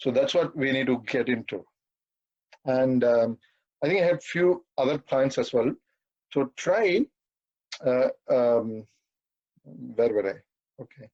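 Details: 42-year-old man who has stammered all his life and says he stammers occasionally in this talk, given at a stammering association webinar; stuttering.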